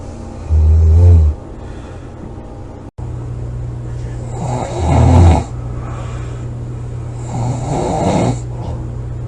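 Loud, low rattling snores on inhaling, about three across the stretch, with steady background hum.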